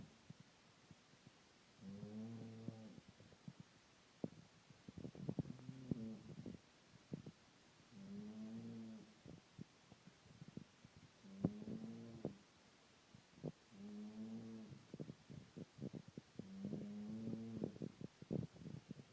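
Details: Dog sleeping one hour after returning home from a day missing, tired, stressed and hungry: slow, regular rumbling snores, about six breaths with quiet pauses between; ordinary snoring.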